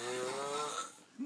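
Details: Asian open-mouth snoring: a single rough buzzing snore with breathy quality, fading over about a second.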